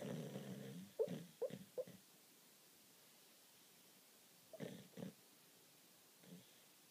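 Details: Two sleeping Japanese Shiba Inus: one snores very loudly with rough, rattling breaths, while a second lying beside him gives a few short muffled sleep barks between them; snoring with sleep barking.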